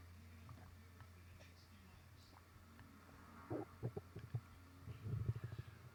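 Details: Bloated, gassy stomach: faint low gurgles and bubbling pops over a steady low hum, with burps and farts; bowel sounds (borborygmi).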